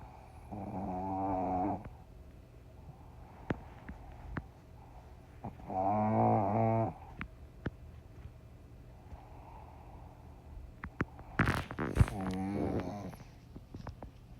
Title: Piper tye pug snoring and hugging mama. #pug #dog #pets #puppy #snore #cute #funny